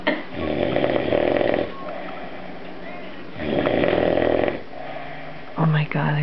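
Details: Loud, rough, rattling snores, each drawn-out breath vibrating noisily with quieter pauses between, while sleeping off a night of partying; room noise and brief talk at the end; snoring.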